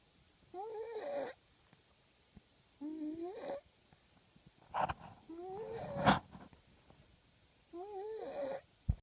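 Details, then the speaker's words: Baby snoring while asleep: slow, regular snorting breaths with a nasal, whistling edge, about one every two to three seconds. "these may be the cutest sleeping noises ever sleepy sleepy in the sounds like an Amal"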